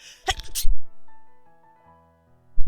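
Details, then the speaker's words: Adult streamer sneezes once: a brief, muffled sneeze, a short intake then an explosive burst, over soft background music. "do i want to do those three dot things no i have to sneeze oh"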